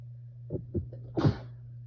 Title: Sneezing into a t-shirt